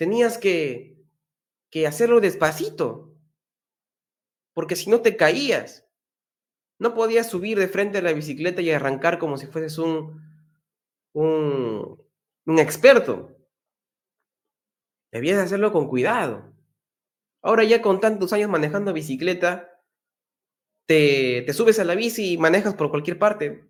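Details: Man who stutters, speaking Spanish at his natural rate while giving a talk on stuttering management; stuttering.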